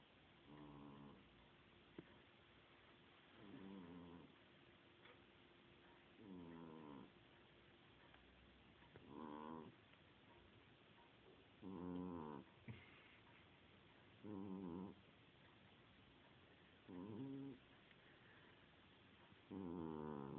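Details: Sleeping cat snoring: regular soft buzzing snores, about eight in twenty seconds, each a brief rhythmic rattle with quiet pauses between; cat snoring.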